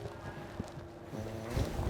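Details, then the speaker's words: Stertor in Nina, a rescue pug with very loud breathing before airway surgery: a loud, low, snoring-type rumble on breathing in from an obstructed upper airway; the vet is worried she struggles to get oxygen. "When I first meet Nina, I can hear her breathing is very, very loud. It's really concerning. And I'm worried that she's struggling to even get any oxygen into her system."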